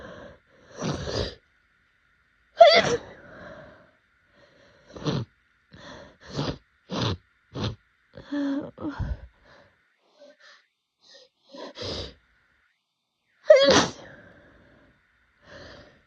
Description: Allergy season is still going strong here and I haven’t found any relief. These fits are so powerful that they’re destroying my tissues (as pictured in the thumbnail).